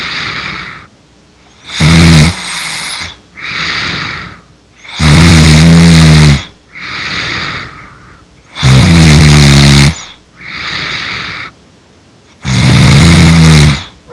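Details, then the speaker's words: Person fallen asleep during a voice call while playing an online game: loud, regular snoring, deep rumbling in-breaths alternating with softer out-breaths, about four cycles a minute; snoring. "Ooh, you're snoring louder. Okay, you know what? I'm gonna see how."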